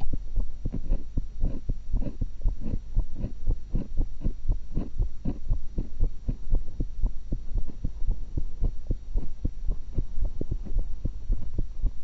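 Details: Own heart recorded through a stethoscope while eating an apple and a cucumber: steady heartbeat at about 118 beats a minute over a low hum, with irregular rubbing noise; normal heart sounds.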